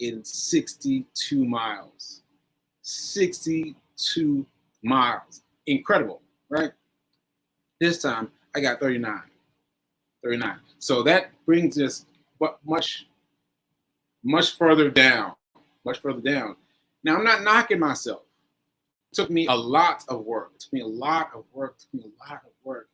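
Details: Post-stroke aphasia in an adult man, about one year after a stroke on 7/14/22, still recovering; aphasia.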